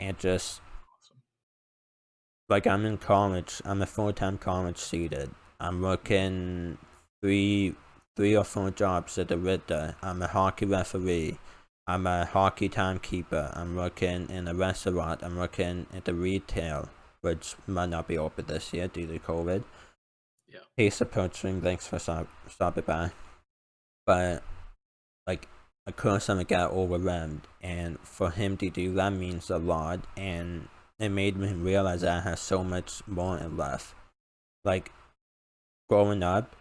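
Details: Male speaker with an uncontrollable speech impediment, improved after about 10 years of speech therapy, formerly relied on an iPad button talking device, unused for almost three years; speech impediment.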